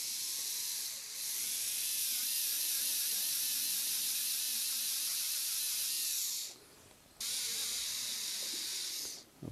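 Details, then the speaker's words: Steady high-pitched whine of a high-speed dental handpiece, briefly pausing, as a finishing burr polishes an in-mouth adjustment on an indirect composite Integrated Abutment Crown over a Bicon short implant during a live demonstration. "let's just polish that little adjustment we made with a finishing"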